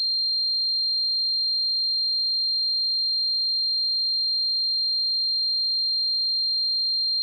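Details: Simulated tinnitus sound effect: a single steady, high-pitched whine that stays unchanged throughout, imitating ringing in the ears.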